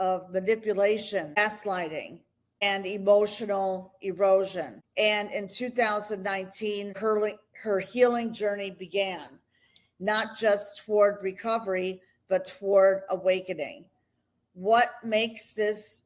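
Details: Adult woman narrating; ordinary speech.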